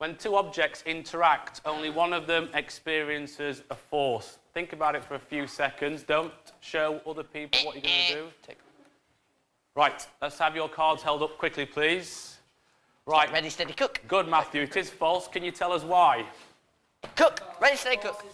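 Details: Adult male teacher; normal speech.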